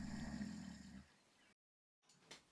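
A single rough, rattling low snore during inhalation, then a quiet pause with a few faint breath noises: snoring.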